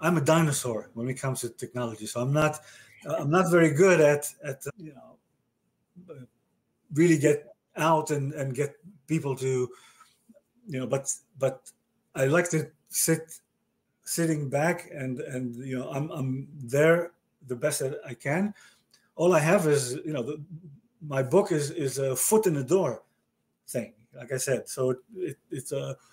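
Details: Adult male stroke survivor with aphasia since a stroke about 30 years earlier, in conversation with word repetitions, fillers and word-finding difficulty; aphasia.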